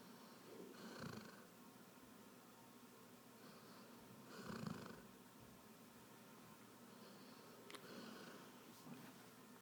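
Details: Soft, slow snoring breaths, about 17 a minute, faint over steady room noise; snoring.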